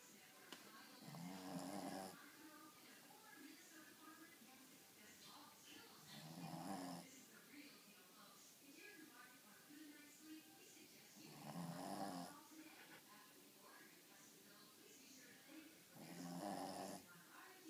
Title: Gizmo the snoring dog!